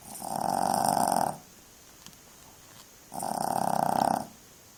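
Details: Puppy snoring while asleep: two long, buzzing snores about two seconds apart, with quiet pauses between.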